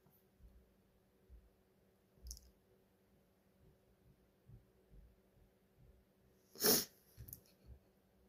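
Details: Quiet room with soft breathy sounds and a small hissing burst, then one sharp sneeze and two smaller ones: shaky false starts and sneezes from a female who thinks it's allergies, likely hayfever.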